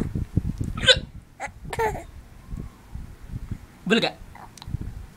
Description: baby laughing over daddy's hiccups then parents finding out that baby got hiccups too!